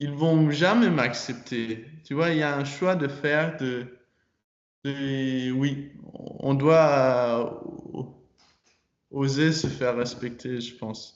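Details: 22-year-old man, French-speaking student, who stutters and began working on his stutter in his last year of high school; stuttering.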